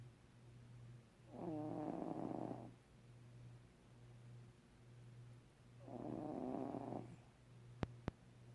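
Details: Cat: two loud rattling, slightly tonal snores on breaths about four seconds apart over a steady low hum, two faint clicks at the end; snoring.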